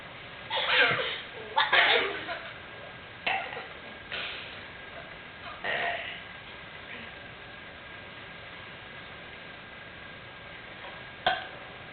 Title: burping contest